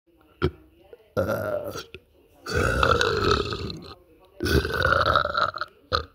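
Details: Boy burping: three long, loud, rumbling burps with short pauses between them, plus a few brief clicks.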